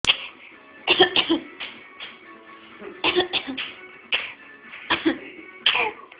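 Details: A child coughing: several short, sharp coughs in brief clusters, with music playing in the background.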